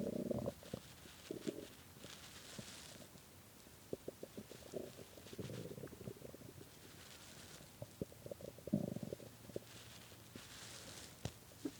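Repeated low gurgling rumbles and short pops from the belly; hunger-related stomach growling, a normal finding.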